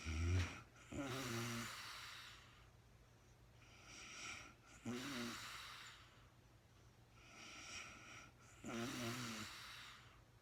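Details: Woman sleeping at night, real-time recording: slow, regular breathing with soft snores on each inward breath and hissy outward breaths, about three cycles in ten seconds, quiet room.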